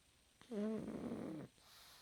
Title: 10 minutes of Pug fast asleep and snoring